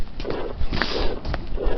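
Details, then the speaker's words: Heartbeats with a harsh crescendo-decrescendo murmur between the beats, rising and then falling in volume; teaching example of the murmur of aortic stenosis. "Thus, we have the crescendo-decrescendo shape, which is a term borrowed from music in which a sound gradually increases in volume and then decreases in volume. Here's an example of such a crescendo-decrescendo murmur of aortic stenosis."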